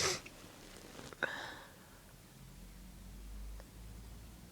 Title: Induced Sneezing and Noseblowing - Part 2